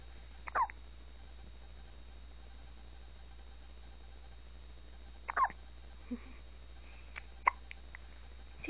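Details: Infant girl's hiccups, which recur about four times a day for no apparent reason, occurring before a feed: three brief, quiet hiccups in about nine seconds over soft room hum.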